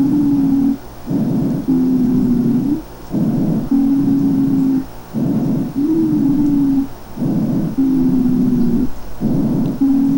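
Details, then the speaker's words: Asthma-type wheezing, predominantly expiratory, from narrowed small and medium airways (mucosal edema, muscle spasm, hypersecretion): steady musical whistle on each breath, about 30 breaths a minute; wheezes. "nos van a dar este tipo de ruidos predominantemente espiratorio que suenan más o menos así"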